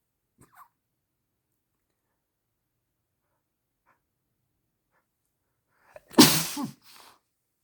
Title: Tickling my nose and sneezing into a handkerchief